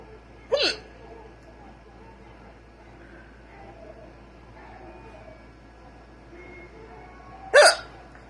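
Two sharp, brief hiccups about seven seconds apart, with quiet room noise between them; ordinary hiccups.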